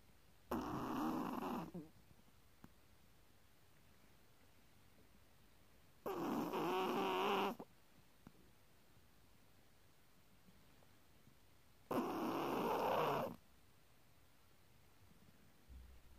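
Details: Chihuahua snoring: three regular fluttering snores about every six seconds, roughly 10 breaths a minute, in a quiet room; ordinary sleep snoring.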